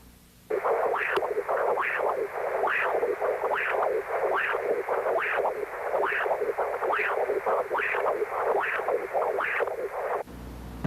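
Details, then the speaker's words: Pulsed Doppler echocardiography of the pulmonary artery: regular whooshing pulses about 70 a minute, systolic peak 0.7 m/s (adult normal up to 0.9), laminar profile; diastolic signal from pulmonary regurgitation; normal laminar pulmonary artery flow. "normal velocity in adults will be up to 0.9 meters per second"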